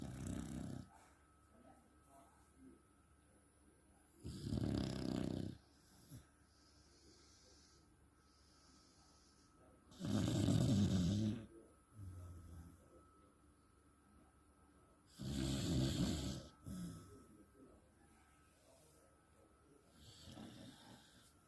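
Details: Loud, rough snores from a sleeping dog, described as a fat beagle, recurring about every five seconds (roughly 12 per minute); snoring.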